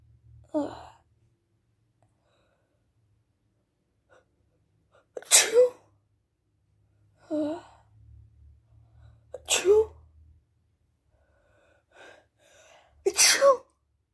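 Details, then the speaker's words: A person with a bad cold, home from school and taking cold medicine that isn't helping, sneezes several times in a row, sharply, with a quick intake of breath before each burst; sneezing. "So I can actually feel a sneeze coming right now. Oh gosh, there's tons of spit on here."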